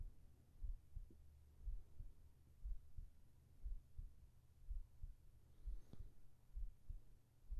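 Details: Binaural ASMR sleep recording: steady paired low thumps of a heartbeat at about 60 beats a minute over a soft hum.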